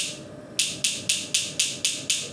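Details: Extracorporeal shockwave therapy on a patient at an orthopedic clinic, focused treatment of about 3,000 shots, patient reports severe pain: sharp regular snapping pulses about four per second as the device fires.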